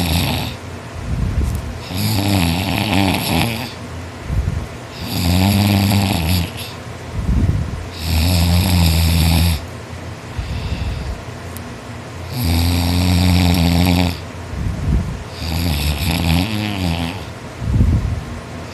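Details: Boy asleep after a tiring day of extra-hard work, snoring non-stop; he notes he snores louder when tired. Loud, deep, rattling snores about every 2.5 seconds with quieter breaths between; heavy snoring.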